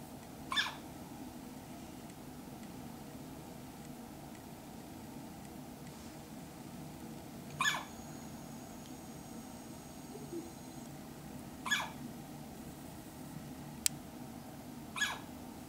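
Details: Newborn's first hiccups after birth, held in grandma's arms before hospital discharge: four brief, sharp, squeaky hiccups spaced several seconds apart against quiet room noise.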